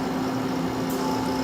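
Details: Steady motor hum with a constant low tone from a CAIRE Companion 5 stationary oxygen concentrator (up to 5 L/min) running normally, flow set near 5 L/min.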